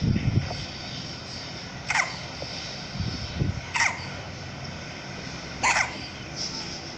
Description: Our baby girl always gets the hiccups when she drinks her milk too fast